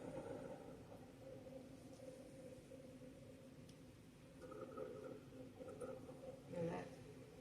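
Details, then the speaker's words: Recorded example of rhonchi played in an EMT class: low-pitched, rumbling, gurgling breath sounds like gurgling water, from secretions in the larger airways, which may clear with coughing. "Sounds like gurgling water."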